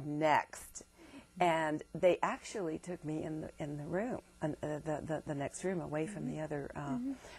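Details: Woman diagnosed with multiple sclerosis in 1988 in her 20s, reporting complete recovery, who says she stutters; word repetitions heard; stuttering.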